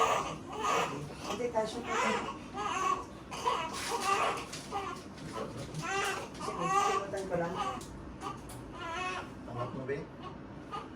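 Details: Newborn's first cry immediately after a normal vaginal birth: repeated loud, high-pitched, strong, vigorous crying with adult voices talking nearby.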